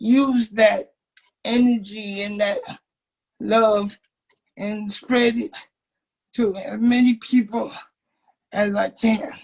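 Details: Dysarthric speech in a 27-year-old man with cerebral palsy since birth, whose muscles do not work typically; he uses a wheelchair, and doctors had told his family he would never talk.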